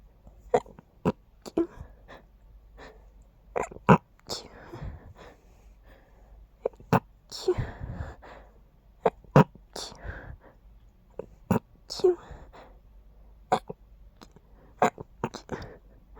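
A run of short, quiet, held-back sneezes with soft breaths between them in a quiet room; stifled sneezing.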